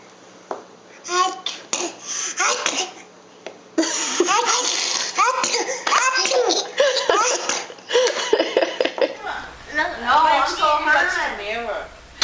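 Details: Babies sneezing, from a compilation: several short infant sneezes mixed with babbling, adult chatter saying "bless you", laughter and background music.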